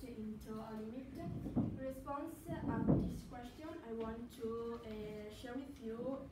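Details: Adult female speaker, English as a second language; stuttering.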